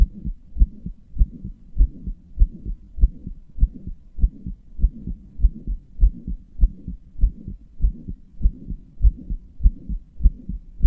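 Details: Regular heartbeat about 100 beats a minute with a soft whooshing noise between beats; heart murmur, with palpitations reported by the person recording.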